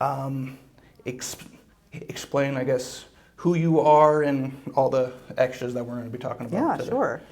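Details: Adult man who reports blocks and getting stuck, using breathing and other fluency strategies to stay fluent; stuttering.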